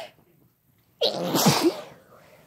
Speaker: let's go that was messy yes sure was bless you